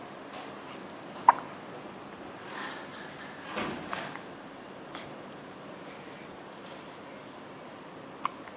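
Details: Two short, sudden hiccups breaking a quiet room, with soft breathing between them.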